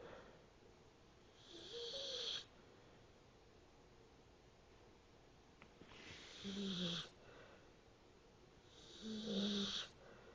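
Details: Quiet snoring: three soft, hissing snores at regular intervals, separated by quiet stretches.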